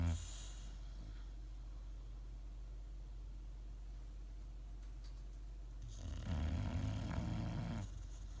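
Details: Bulldogs asleep; low rumbling, fluttering snore on breathing in over a steady low hum; dog snoring.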